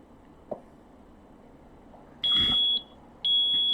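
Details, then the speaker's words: ZOLL ventilator in a mechanical ventilation training demo, deliberately set to deliver a low volume: shrill high-pitched beeps about once a second, a high-priority low tidal volume alarm, possibly from circuit or airway obstruction. "una alarma rojo que me dice que el volumen tidal estado ya posiblemente puede ser porque el circuito está obstruido porque hay obstrucción en la vía aérea"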